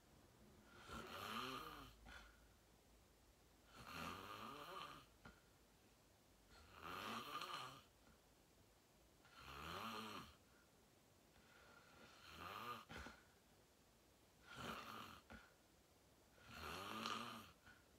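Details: Heavy, loud snoring in deep REM sleep after falling asleep fast around 8:45; steady rattling snores on every breath, about 23 a minute; sleeper tags possible sleep apnea.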